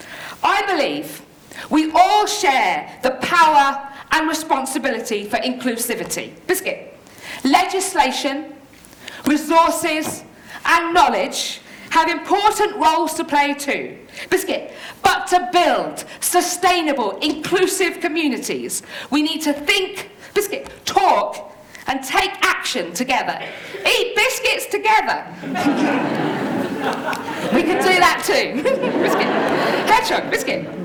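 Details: Woman with Tourette syndrome producing uncontrollable vocal tics, including repeated words; Tourette syndrome vocal tics.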